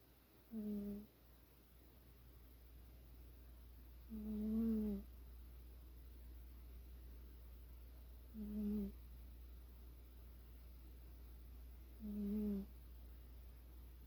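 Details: A sleeping cat that rarely snores: four soft, low, droning snores at a slow, fairly regular pace, about 15 a minute, over a steady low hum; snoring.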